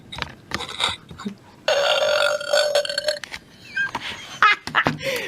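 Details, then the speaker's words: Imitation burping from a toy monkey sound book: recorded munching noises followed by a long rumbling belch, among other silly noises and adult talk; burp after eating foods such as berries or honey. "it's a companion to our art book and this one is to listen to all the family making lots of burpee noises after they've eaten various things"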